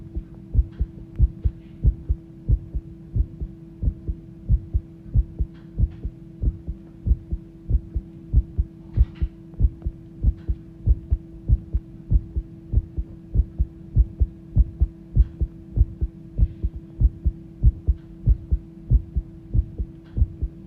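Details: Human heartbeat recorded as the heart started pounding: regular, deep thudding beats at about 95 a minute, mildly fast, over a steady hum; fast heartbeat.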